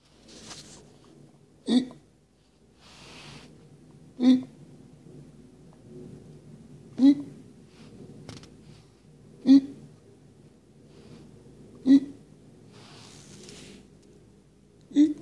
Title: Sagwa has Fake Hiccups